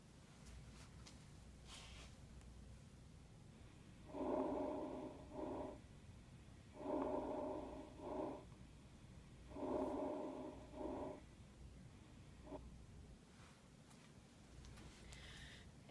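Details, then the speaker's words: Soft, muted, faint breath sounds via stethoscope, three breath cycles at about 21/min, quieter than normal from decreased air movement (teaching example; associated with empyema, hypoventilation, obesity); diminished breath sounds. "another abnormal lung sign would be dimin lung sounds and the cause of that is a decrease in air movement a good description of that would be just um they're basically faint lung sounds not as loud as normal ones"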